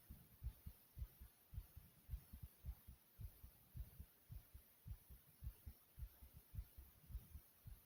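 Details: Regular low heart thumps at about 107 beats a minute: a person's own fast heartbeat.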